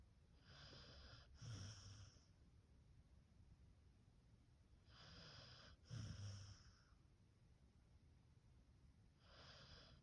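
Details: A beagle snoring lightly while napping: quiet breaths with a soft snort-like snore on each cycle, about three cycles in ten seconds, over a faint hiss.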